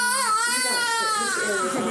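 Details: Newborn boy's cry just after delivery: a strong, high-pitched, sustained, normal vigorous cry. He is then weighed and latches on to breastfeed.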